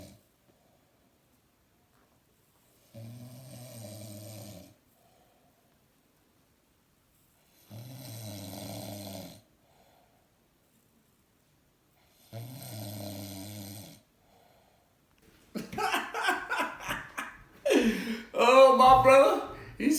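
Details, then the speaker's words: Sleeping male snoring: three regular, low, rattling snores on in-breaths at about 13 breaths a minute. He is said to also say "Mom" in his sleep. "he snores and he says, "Mom," when he sleeps. That's so funny."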